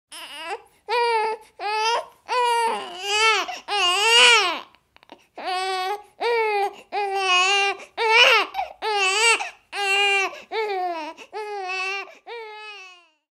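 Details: Infant crying from a sound-effect recording: repeated short, high-pitched wails, about fourteen bursts separated by brief breaths.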